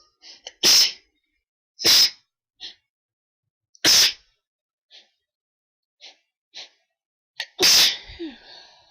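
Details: Four forceful sneezes in a row, each preceded by a quick catching inhalation, from a woman during an ongoing sneezing attack she attributes to high pollen; sneezing bout.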